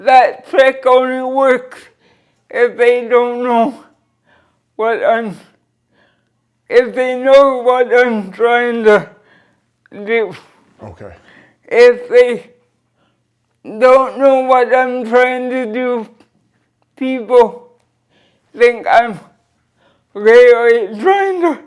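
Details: Dysarthria from cerebral palsy present since birth in a 46-year-old woman born weighing 2 lb 4 oz, with limited motor control and wheelchair use; she describes her speech as 'a bit forward' but says she understands everything.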